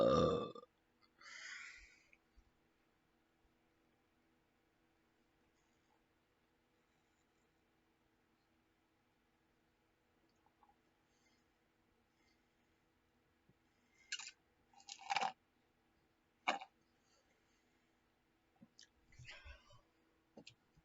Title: me burping